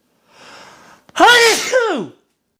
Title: My biggest sneezes yet (M)